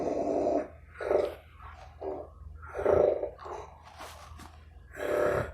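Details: Adult man (stepfather) snoring during sleep at 1 am: irregular, rough, throaty breathing with snorting bursts and gasp-like catches; loud, disrupted snoring.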